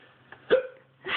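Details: A single abrupt, voiced hiccup with a short catch of breath, another beginning at the end, from a man with drunken hiccups after holding his breath failed; hiccups.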